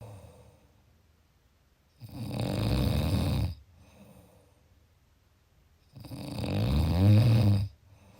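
Two loud, low, rattling snores on inhaled breaths, about 15 breaths a minute, with quiet exhalations between them.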